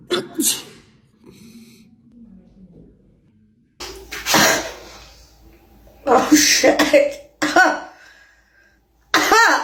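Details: Several sharp sneezes and coughs with short gasps between, from a young woman during a self-administered COVID-19 nasal swab test; she reports tears and hating the swab in her nose.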